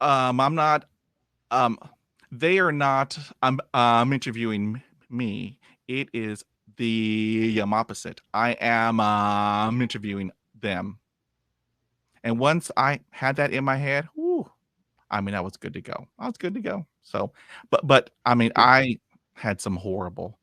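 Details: 51-year-old man with lifelong stuttering, after 20 years of speech therapy; he reports improving from zero to about 80 percent but still blocking and repeating, with frequent "um" fillers and repeated words; stuttering.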